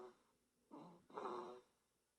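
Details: One-month-old baby boy asleep: two soft, throaty grunting breath noises in a quiet room; parent jokingly suspects sleep apnea, but the noises sound like normal newborn sleep noises.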